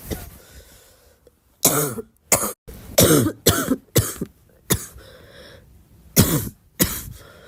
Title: i really love my own cough… is that normal?